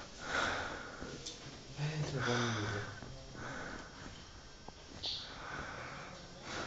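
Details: Slow, loud snores with a droning buzz on the in-breath and a noisy out-breath over room noise, from an exhausted person asleep during a 2009 school biology class trip; snoring.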